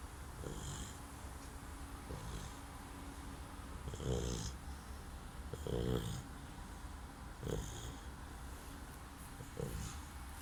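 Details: Snoring from Lucy, a cute Bernese puppy.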